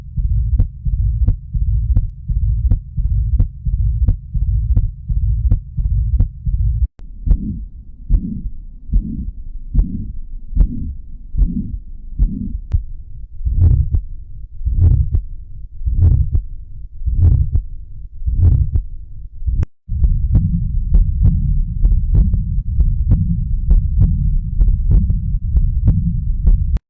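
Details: Normal heart sounds, heard as steady, regular low heartbeat thumps over a constant hum, with no extra sounds.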